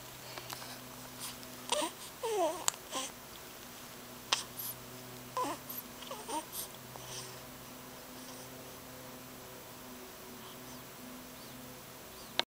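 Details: Infant awake in the morning, crying: short bursts of fussy crying and whimpering over a steady room hum, fading to quiet.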